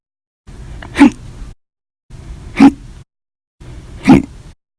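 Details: Three sharp, sudden gulping hiccups about a second and a half apart, each with a brief catch of breath; repeated, audio-only hiccup recording.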